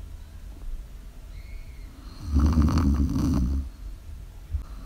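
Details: Snoring during sleep, live recording: a low, rattling snore on one breath, surrounded by quieter breathing with faint room noise.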